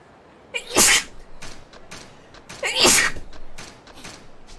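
Two sharp, explosive sneezes about two seconds apart, each with a short breathy lead-in, followed by snuffling breaths.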